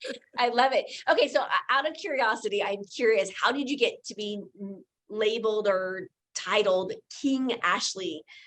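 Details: Adult woman speaking; Normal speech.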